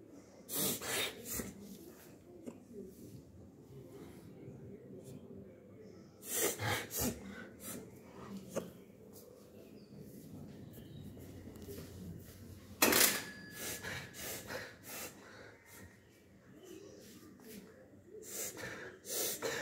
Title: reverse sneezing in a dog